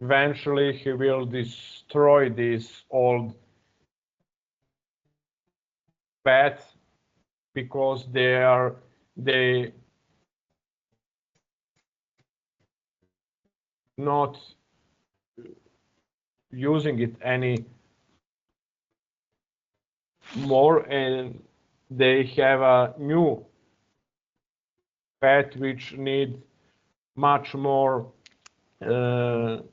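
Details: Adult man who stutters and still blocks when starting to speak, now working with a new therapist and practising a speech technique; stuttering.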